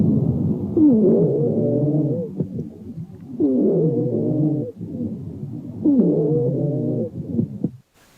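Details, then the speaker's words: Wheezes in a teaching example played during a pulmonary exam lecture: long, musical, whistling wheezes recurring with each breath through the stethoscope, at roughly 23 breaths a minute. "have an obstruction to airflow like a tumor will get a localized wheeze just in one lobe"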